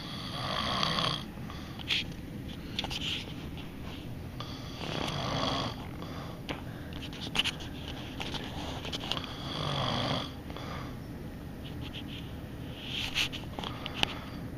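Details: Adult man (father) snoring in sleep: rough, rattling snores recurring about 13 times a minute with soft breathing noise between them, in a small room.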